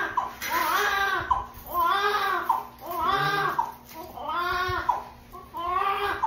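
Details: Newborn baby's first cry right after birth: repeated strong rhythmic wails with short breaths between; vigorous newborn cry.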